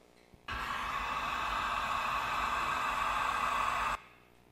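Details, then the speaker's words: Premature newborn in neonatal care on nasal non-invasive ventilation after intubation: steady loud hissing rush of air at the baby's nose that starts and stops abruptly; device flow noise. "là après l'intubation ont passé la ventilation ce qu'on a vu au niveau de la vidéo donc l'appareil c'est le bruit les au niveau du nez de l'enfant"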